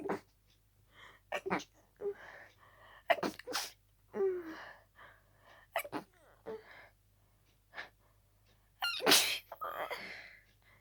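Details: Harsh, rapid sneezing fit with a cold: a run of sneezes with barely time for quick gasping breaths between, ending in a loud final sneeze; sneezes usually intensify with a cold.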